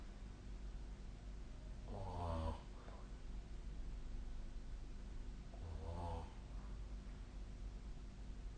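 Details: Adult snoring in sleep: two rough, rumbling snores about four seconds apart over a steady low background hum.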